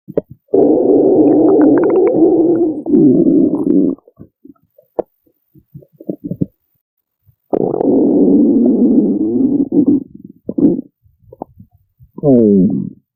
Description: I know it's been a while since you've listened to my beautiful growly tummy!